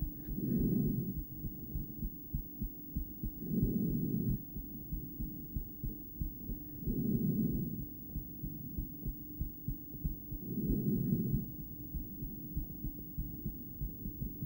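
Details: Female heartbeat during breathplay, stethoscope in a poor spot with loud breathing noise over it; beats come in pairs at times with one long pause after a push, an intermittent bigeminal rhythm.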